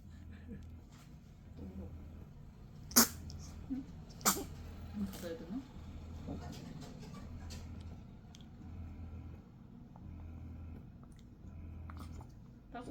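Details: Two sharp, brief sneezes a second apart from a newborn in a postpartum care centre, over a low pulsing room hum; a normal reflex.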